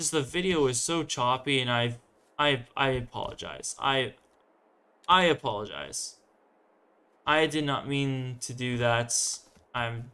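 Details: Stuttering with stumbling on words, self-described by a male host as a longstanding part of himself; real, not acted.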